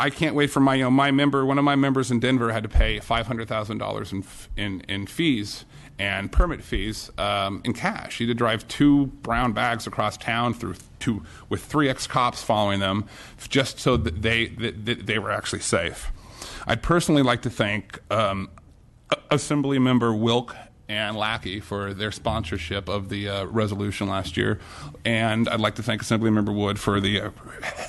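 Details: Stuttering-like disfluency in an adult man testifying at a hearing who stalls on a phrase, says his speech impediment flared up, and repeats it; the type of impediment is not named.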